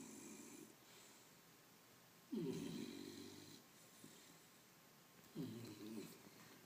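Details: A sleeping dog snores with three rough, rumbling breaths at roughly 20–25 breaths a minute.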